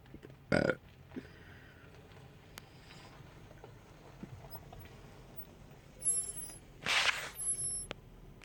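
Two short burps, one early and one near the end, separated by quiet room noise; brief belching.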